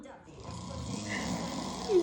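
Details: Low, rough rumbling breath rising in loudness over two seconds: a man's loud snoring during sleep, loud enough to wake a pomsky dog from its afternoon nap.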